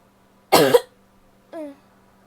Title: coughing, some wet, most are barky (f)